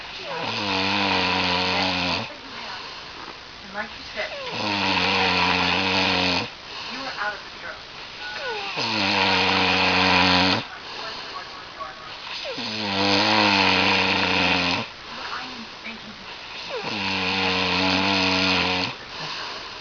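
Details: Loud, long, buzzing snores on each breath in, about 14 breaths a minute, with quieter breaths out between, keeping someone awake; snoring.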